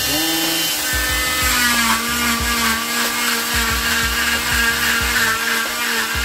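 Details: Steady high whine with rhythmic pulsing from an oscillating cast saw cutting off a boy's arm cast covering the wrist and elbow, with background music.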